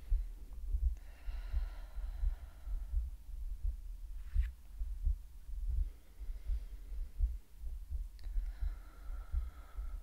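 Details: Woman's heartbeat in an ASMR medical roleplay: soft, regular low thumps at about 85 a minute with faint breathing between, a normal heartbeat.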